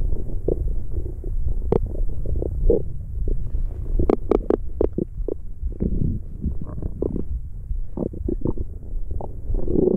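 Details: Continuous low gurgling and rumbling with scattered bubbling pops and squeaks from gas and fluid moving through the gut: normal stomach growling (borborygmi) recorded for ASMR.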